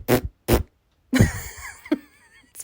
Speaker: this machine makes noise so when you breathe out it makes like a fart sound